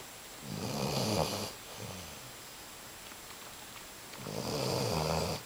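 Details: A sleeping Basset Hound snoring: two long, rumbling snores separated by a quiet pause with a faint softer breath between them; ordinary dog snoring.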